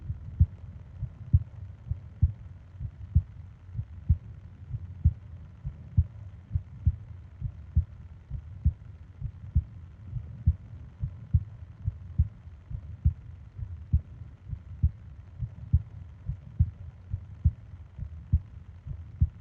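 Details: Japanese 20-minute ASMR sleep recording of heartbeat and breathing sounds: soft, steady heartbeat at about 67 a minute under a low background hum; normal heartbeat.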